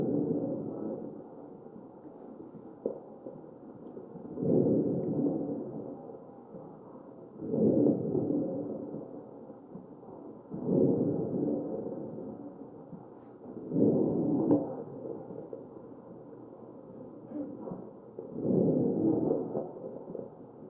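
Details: Regular ventilator breaths at about 18 a minute with brief crackling clicks over muffled breath sounds: crackles in a real ventilated patient.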